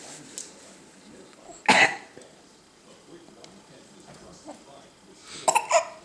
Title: Fake cough with hiccups